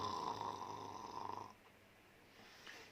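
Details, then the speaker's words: Single drawn-out, buzzing snore on the breath, then quiet, in a sketch about a brother with snoring and morning headaches who was told he needs adenoid surgery; snoring. "اللي بيحصل ان في مجرى الهواء عضلات ماسكة في اللسان، العضلات دي بترتخي وانت نايم، فالهواء وهو طالع يخبط في العضلات دي يطلع صوت الشخير."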